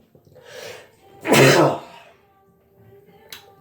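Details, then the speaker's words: Man doing a sneezing challenge: a soft in-breath followed by one loud, explosive burst of air, with faint background music; a single sneeze. "hey guys mr. Hikawa here and I'm doing another sneezing challenge"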